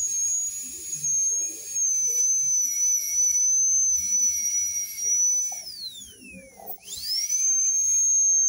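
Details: High-speed dental handpiece during veneer preparation in a diastema case, as the bur is changed to an extra-fine one: a piercing high whine that winds down and spins back up.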